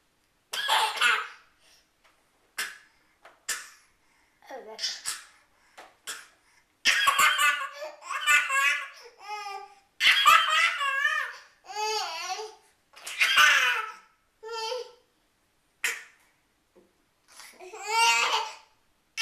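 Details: 13-month-old toddler laughing at his father and making dramatic, deliberate exaggerated coughs mixed with squealing laughter; voluntary imitation cough, not an illness cough.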